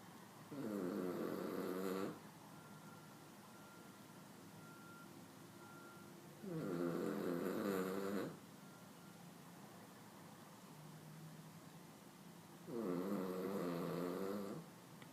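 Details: Candy, a 16-year-old dog who falls asleep in seconds and snores all day and night: three long, rattling snores about 6 seconds apart, about 10 per minute, with quiet room noise between.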